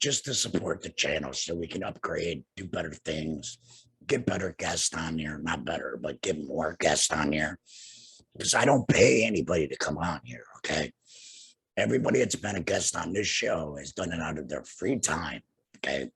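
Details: Adult male, two years after laryngectomy for cancer, speaking without a larynx and using an HME (heat and moisture exchanger). Finding: alaryngeal speech after laryngectomy.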